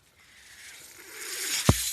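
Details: Airflow of the podcaster's own mechanical ventilator, which he points out while speaking: a soft airy hiss swelling over about two seconds, then a brief click as a breath is delivered.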